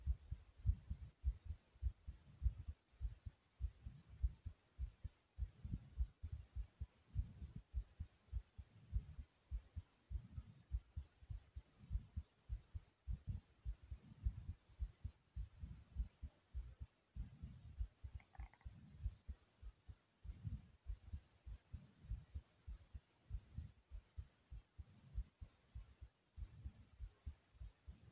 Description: my heartbeat was thumping after doing 35 jumping jacks i hope you guys enjoy it very much.